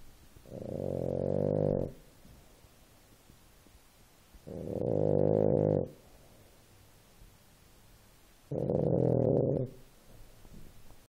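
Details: Sleeping French bulldog puppy: loud, low, vibrating snores about every four seconds, roughly 15 breaths a minute; heavy snoring.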